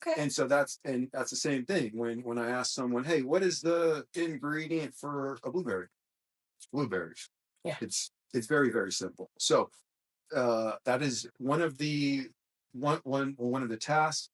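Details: Adult male host with a self-described small speech impediment, a stutter, which he links to his mind always moving fast since childhood; stuttering.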